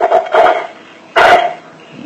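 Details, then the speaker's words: Three short, dry cough bursts from an adult asked to cough after light palm percussion of the chest above the nipple line; the speaker says this narrow cough signals the lungs: cough. "ถ้าเสียงไอเนี่ยนะถ้าเสียงไอแคบๆแบบนี้นะครับผมฟังเสียงผมรู้ทันทีแล้วนะว่าปอดแน่ๆแล้วล่ะครับ"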